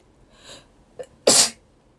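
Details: Young Japanese woman: a soft in-breath and brief catch, then one sharp, bright burst of air. A single sneeze.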